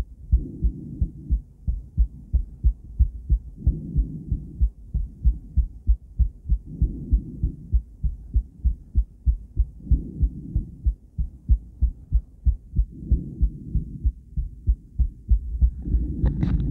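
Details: Female heart on cardiac ultrasound, with an attempt to combine ECG: steady, rhythmic whooshing pulses of blood flow with a low hum; a regular, normal heartbeat.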